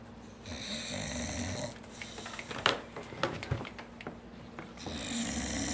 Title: fast asleep and snoring